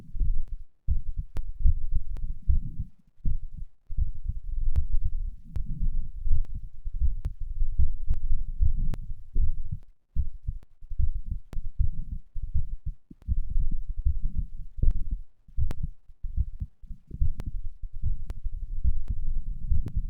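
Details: Fast, strong heartbeat with loud rubbing chest noise, recorded after exercise (third post-exercise recording); normal heart sounds at raised rate from exertion.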